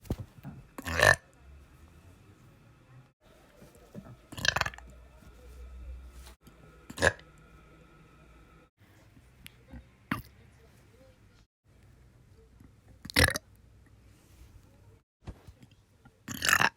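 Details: Office worker who holds in burps at work burps freely at home: about six separate loud burps over seventeen seconds, with quiet room noise between them; burping.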